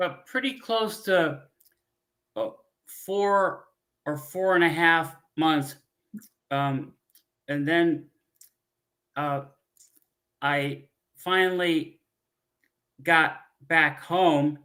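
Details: Adult man, former pilot, with aphasia from a stroke 15 years ago; he cannot read or write, uses a scooter and gets therapy on his arm; frequent fillers and word-finding pauses; aphasia with word-finding pauses.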